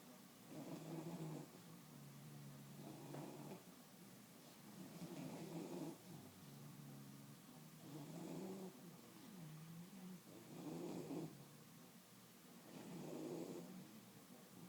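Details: Relaxing bulldogs, sleepy: soft, rhythmic, regular snoring from a sleeping dog, six snores in fifteen seconds, about 24 a minute.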